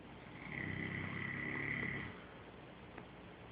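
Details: Sleeping, dreaming dog: one long whistling, rumbling breath of about two seconds, then quiet; loud snoring.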